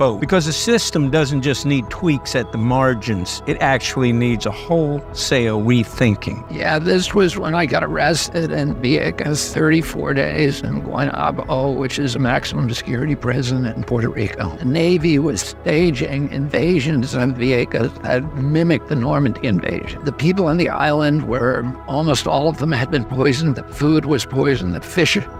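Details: Spasmodic dysphonia (he calls it spasmodic dystonia) in a 70-year-old man: a neurological voice disorder that makes his voice tremble, with onset at age 42. He also says his voice was very strong until age 46.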